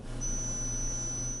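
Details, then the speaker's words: Steady high-pitched pure tone over a low room hum, played to match the pitch of a woman's tinnitus ringing; tinnitus pitch-matching tone. "imagine living with that noise in your head all the time no the other one was better this is the frequency we often match"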